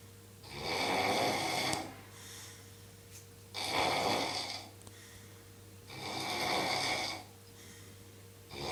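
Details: Adult man sleeping in a capsule hotel: loud, harsh rattling snores about every 2.5 seconds, around 20 breaths a minute, with quieter exhalations between over a steady room hum; snoring.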